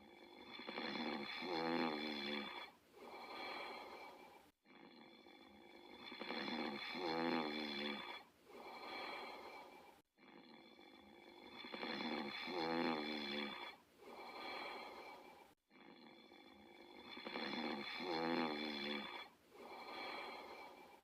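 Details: Regular rattling snores on each breath during sleep, about 11 breaths a minute, with a softer sound on each exhale; steady snoring.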